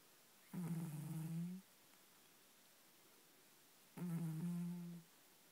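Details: Cat deep asleep and snoring: two low, steady, humming snores, each about a second long and roughly three seconds apart.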